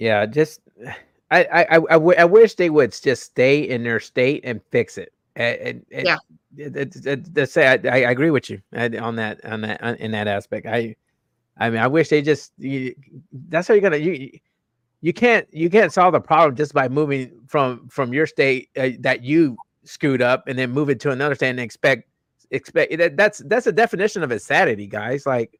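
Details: Adult male host with a self-reported stutter that was very noticeable in his earlier videos and worsens with unfamiliar people or situations; stuttering.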